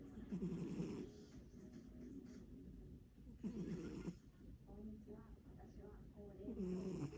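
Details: Sleeping cat: soft, fluttering snore sounds in uneven bursts, faint quiet talk in background; snoring.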